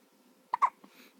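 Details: Newborn baby girl's first hiccups since birth, after frequent hiccups in the womb, hiccups shaking her whole body: two short abrupt voiced gulps, then a fainter third, in quiet room noise; hiccups.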